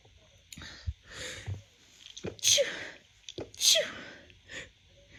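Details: Woman's first sneezes of spring 2024, attributed to seasonal pollen allergy: two forceful sneezes, each preceded by a quick catching inhalation, then a softer breath.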